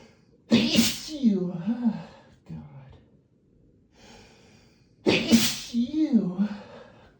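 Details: Two forceful sneezes from a person (marked M, possibly male) in a hotel room, each a hissing blast then a loud voiced cry with trailing sounds and a brief breath between; sneezing.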